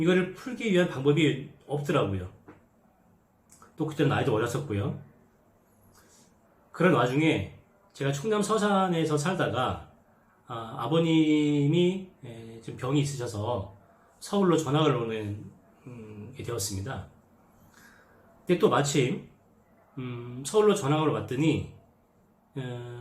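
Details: Adult man who stutters demonstrating the speech blocks he had as a new middle school student reading aloud in class, with quickened breathing and secondary body movements made in the effort to speak: stuttering (speech blocks)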